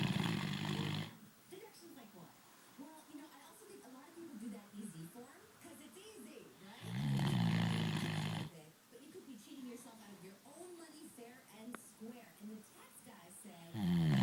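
Loud, low rumbling snores recur with quieter breathing between them, separated by several seconds. Snoring during sleep.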